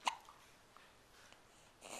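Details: An 11-week-old baby makes a pooping face with hiccups: one sharp, abrupt hiccup near the start, then quiet room noise.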